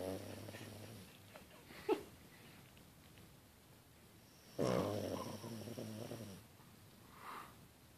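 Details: Puggle dog asleep on a couch, low rumbling breaths with snorting noises; snoring.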